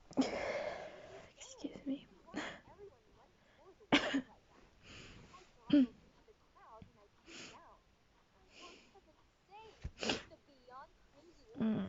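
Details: Tired person who wants to sleep: several sharp, explosive bursts with quieter voiced sounds between, a run of sneezes in a quiet room: sneezing.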